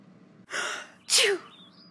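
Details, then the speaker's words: The character Purpur Ender sneezes after a tickling nose: a quick, sharp inhaled gasp, then one explosive sneeze. "Yes. Just sneezing."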